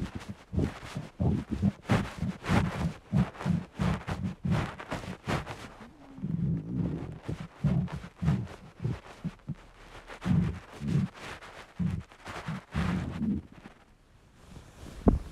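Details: Male's hungry stomach: continuous low rumbling with repeated gurgling bursts; borborygmi, ordinary hunger bowel sounds.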